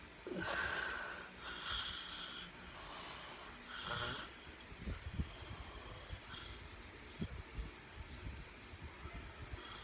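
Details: Loud, raspy snoring with a whistling, wheezy edge and snorting breaths, then quieter irregular snuffles.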